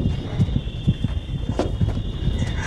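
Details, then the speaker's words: Simulated heartbeat sound effect from the House MD TV drama opening scene: rapid paired low thumps under a murky dramatic background; not a real recording. "you can hear the heartbeat going there in the background"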